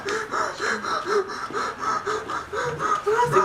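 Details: Simulated dental-surgery medical emergency training scenario: rapid, gasping breaths of about four a second with a noisy, strained quality; acted hyperventilation.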